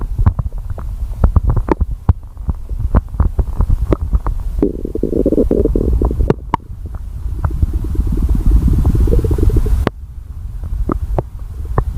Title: Stomach Growling